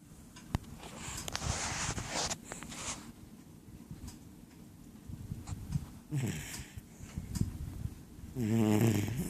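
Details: Dog that rarely snores, sleeping: loud, rough rattling breaths with a low throaty vibration on each breath; snoring.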